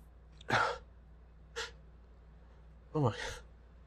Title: Pepper/spice hitchy sneezes